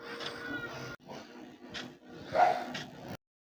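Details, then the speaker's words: Young daughter fallen asleep while being fed, food still in her mouth: rough, rattly breathing in quick repeated cycles, snoring. "আর মুখের ভেতরে কিন্তু এখনও খাবার রয়েছে আর নাক ডাকছে। তোমাদের কি বলবো, তোমাদের শোনাচ্ছি, দেখো তোমরা বিশ্বাস করবে না।"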